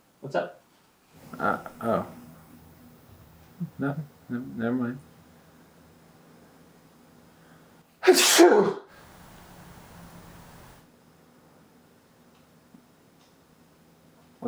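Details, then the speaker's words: Acted comedy sketch sneeze, which the character suggests is probably allergies: brief speech, then one loud explosive sneeze with a sharp intake and burst. "on man uh i guess probably allergies or something i'm talking about why i sneezed"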